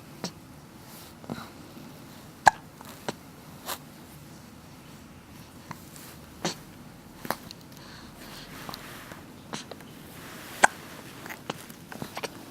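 Brief, sharp hiccup-like clicks repeat irregularly, roughly every second or two, over steady room noise: hiccups.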